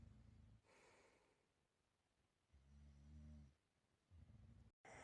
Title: My snoring sounds so u can imagine Im in the room w you,n feel that i am (for Rose nd rose only)❤️xx